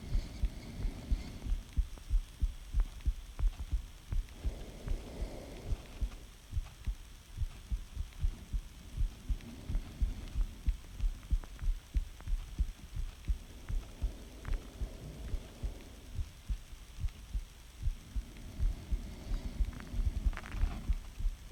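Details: Heartbeat recorded by the subject's boyfriend, and the subject asks whether it is normal. Muffled, regular low thumps near 90 per minute that speed up with each breath in, respiratory sinus arrhythmia.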